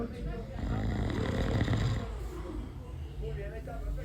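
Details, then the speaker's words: Father snoring during a nap beside his sleeping baby: loud, rough, low-pitched rattling snores with faint background noise. "cuando duerme en la siesta el bebé y el papá ronca no entiendo cómo no se despierta con el ruido creo que para el bebé es como un Ruido Blanco hasta lo ayuda a dormir"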